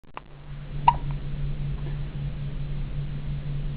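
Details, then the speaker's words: Child in hospital with a pretty good case of hiccups: two sharp, brief hiccup clicks over a steady low room hum. "here we are in the hospital and sophia's got the hiccups a pretty good case of them actually"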